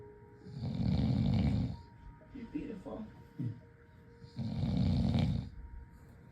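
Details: Small Yorkshire terrier dog, possibly a puppy, with two loud, rough, low snoring breaths and soft snuffly sounds between them, over faint background music; dog snoring.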